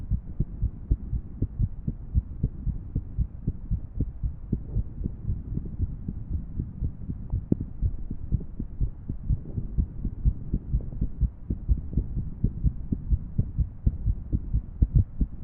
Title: #142 アレな心音の3D心臓モデル動画 Female 3D Irregular Heart Model